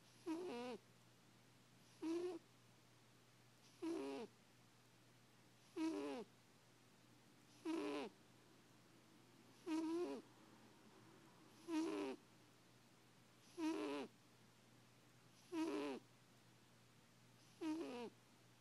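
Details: Tanner sleeping, regular short snorting snores about 31 a minute, evenly spaced over low room hum; owner jokes he may need a CPAP machine: snoring.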